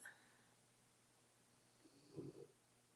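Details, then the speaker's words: Single short low snorting snore from a sleeping pet dog in an otherwise quiet room; snoring. "And I think it sounds horrible that someone's snoring in the background. I love you, doggy. Please knock off the snoring."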